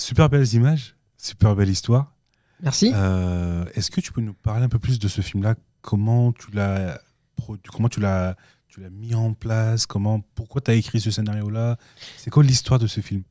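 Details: Adult male speaker; normal speech.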